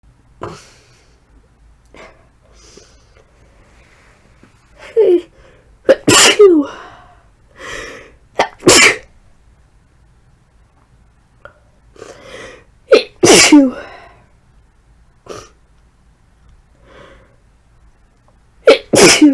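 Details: Adult with flu gives about four strong, forceful sneezes, each after a rising, gasping in-breath. The sneezing was deliberately induced because of a persistent tickly nose: sneezing.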